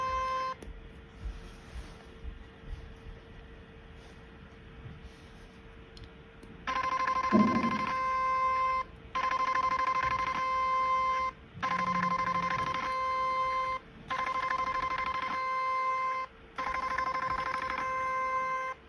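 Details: Repeated two-second steady beeps with short gaps as a portable 7D HIFU handpiece with a 4.5 mm cartridge fires over cooling gel during a face-lifting treatment, moving from lower face upward.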